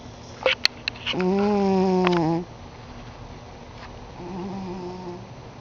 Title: MY FAT CAT SNORING DOESN'T LET US SLEEP !!!